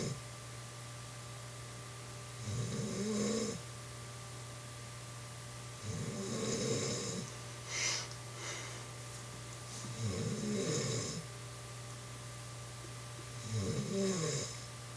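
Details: Woman who denies snoring, recorded while asleep: regular rough snores on each breath in, about 17 a minute, over steady room hum; snoring.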